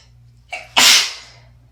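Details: Sneezes from a person who is sick in winter, with asthma and a recent wet, chesty cough: a short breath in, then one loud, forceful, hissing, congested sneeze that fades out.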